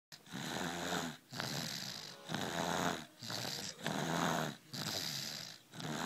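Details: Rhythmic, noisy, rattling snore with each breath, roughly 40 breaths a minute, separated by brief quiet pauses, from a baby sleeping on dad's lap on a couch: infant snoring.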